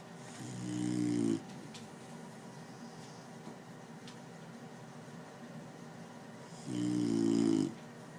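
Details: Two loud, buzzing inhaled snores about six seconds apart, with quiet breathing between them; snoring.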